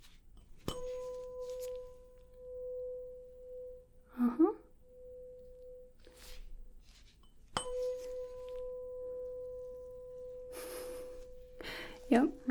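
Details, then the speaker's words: Simulated ASMR medical roleplay hearing test: a struck 512 Hz tuning fork rings twice with a steady, high, pure tone while the patient keeps their eyes closed and reports which side they hear it on: tuning fork tone. "this is a 512 hertz tuning fork it's got a high pitch to it just like that it might be a little difficult to hear but do the best that you can"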